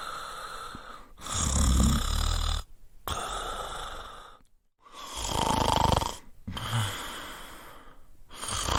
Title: Snoring Sound Effect - Royalty Free Download